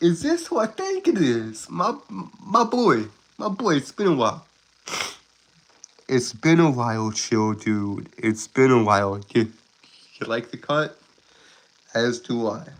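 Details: Stuttering in an adult male who calls himself a Southern stutterer with a speech impediment; he is currently sick and recovering.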